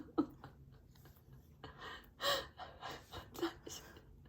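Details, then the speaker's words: Faint, muffled rasping snores of an adult man (the father), repeating from a distant room late at night against quiet room noise, briefly caught during a recording. "저쪽 방에서 아빠가 코 고는 소리가 잠시 들렸습니다."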